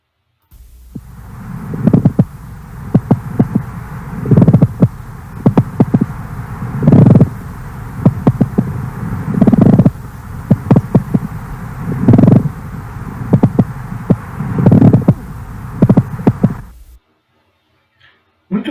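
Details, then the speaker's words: Simulated pleural friction rub: coarse creaking, grating bursts on each breath, likened to old creaking leather or stepping on loose old floorboards. "bem o atrito pleural alguns autores descrevem como se fosse o sol de um cor velho rangido outra nem se vocês quiserem gravar é uma forma é como se fosse alguém pisando numa madeira solta velha no assoalho antigo naquelas casas antigas"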